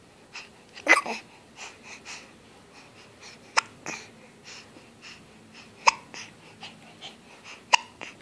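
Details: Baby hiccuping after eating baby-food puree, while seeming to try to say something: short, sharp catches of breath at irregular intervals with faint baby sounds between them; infant hiccups.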